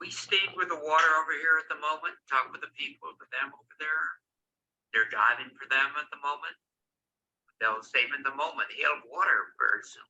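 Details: Wernicke's (receptive) aphasia in a man producing fluent sentences that do not make sense; he thinks he is talking normally.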